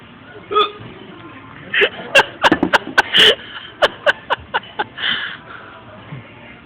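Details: Repeated hiccups, about ten short, sharp, evenly spaced sounds, with music and laughter in the background.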